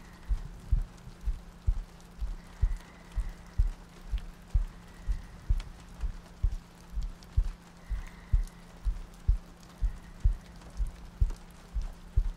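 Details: ASMR sleep-aid roleplay of cuddling next to a girlfriend on a rainy night, a looped track with soft breathing: steady, soft paired lub-dub thumps at about 62 a minute over gentle rain and a low hum; a heartbeat.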